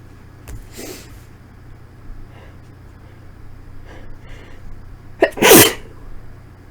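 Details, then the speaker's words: Induced sneezing after cleaning, with the nose irritated and tickly from dust: several small stifled sneezes from trying to hold back, then one full, forceful, very messy sneeze. "these are very messy very quickly cuz my nose is already bit on the Edge from the Dust oh God e very messy okay oh I the weirdest sneeze of my life extremely messy"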